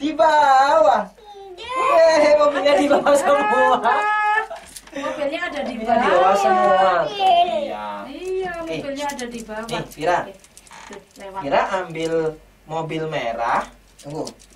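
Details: Adult therapist speaking to a child; typical adult speech.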